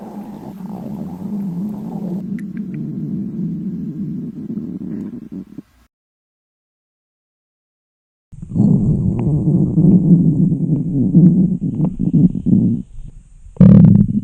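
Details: A girl's loud stomach growling from hunger during class in a library: long, low rumbling, gurgling growls with silent pauses between. Normal hunger borborygmi.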